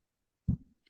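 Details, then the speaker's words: Heart sound with a slightly doubled second sound, normal physiological splitting of S2 heard during inspiration. "so uh that that was normal physiological splitting of the second heart sound"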